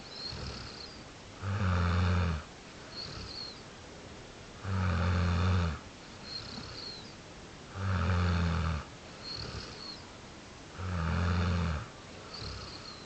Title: Snoring